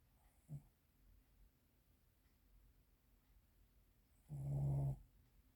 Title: snoring Oreo